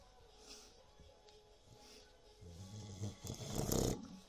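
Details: Boxer dog snoring while asleep: a low, rough, rattling snore building over a few seconds, with faint background music.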